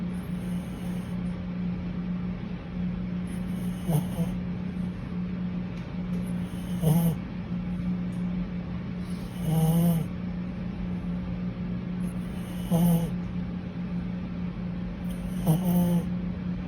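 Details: Sleeping puppy snoring: soft, regular snorting snores about every three seconds, roughly 20 a minute, over a steady low hum.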